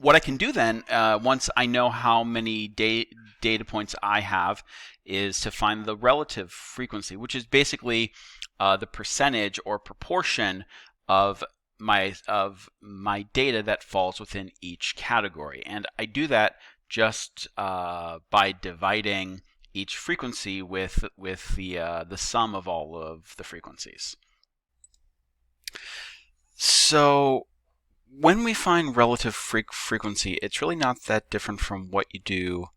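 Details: Stuttering in a male teacher who says he stutters; he notes that the repetitions heard are his own stuttering, not video buffering.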